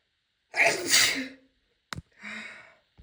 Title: my biggest sneezes i ever had (F)